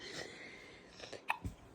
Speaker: Do you know it sounds like you have the hiccups? Are those hiccups I hear? That sounds like the baby with the hiccups.